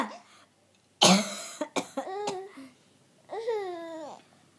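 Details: A mother's cough: one sharp cough followed by a few short hacking bursts, then a drawn-out vocal sound, in a quiet room.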